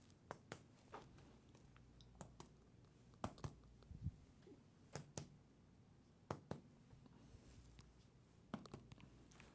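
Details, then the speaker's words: Resonant percussion note from finger percussion of the side of the chest while measuring diaphragmatic excursion, moving upward from dull to resonant as the patient breathes: pairs of sharp taps with a hollow, low note. "start at that point now we're going to come up it should be dull until we find our resident point which is right there go and breathe"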